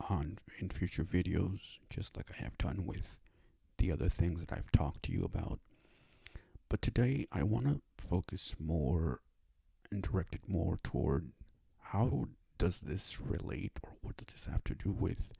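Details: Adult male with cerebral palsy and a self-described speech disability, who needed five years to obtain speech therapy; dysarthria in cerebral palsy.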